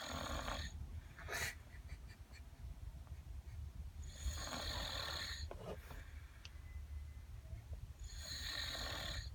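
Rattling snores with harsh hissing breaths, about three cycles in nine seconds, over low background rumble. Snoring.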